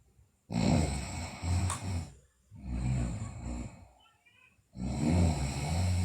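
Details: A sleeping girl: three loud, low, rattling snores recur about every two seconds, with quiet pauses between them: snoring.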